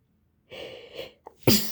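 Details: A girl with a cold and allergies has a sneezing fit while trying to hold her sneezes in. A drawn-in breath and a small catch come before one sharp, forceful sneeze burst.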